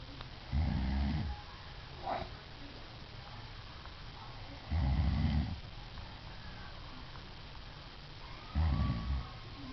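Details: Adult woman snoring in sleep, recorded by her husband: low, rumbling snores recurring about every four seconds over steady room hiss.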